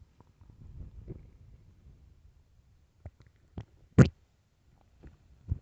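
Low rumbling followed by several short gurgles and a loud squelch: stomach growling, normal gut sounds.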